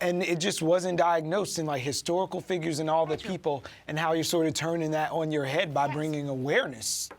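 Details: Adult speaker; normal speech.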